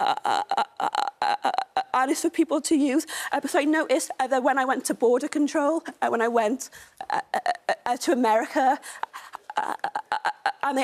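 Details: Stuttering in a woman, a stammer campaigner, ordering food in a café.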